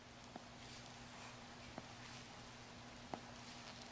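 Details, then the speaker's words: 11-year-old girl with popping peroneal syndrome: audible pop as the examiner dorsiflexes and everts the ankle in a peroneal tendon stress test, the tendon dislocating forward on the lateral ankle; peroneal tendon subluxation pop. "So I dorsiflex and evert, and this tendon will dislocate up front to the side, and I can feel a pop. You can hear the audible pop right now. I'm reproducing the pop."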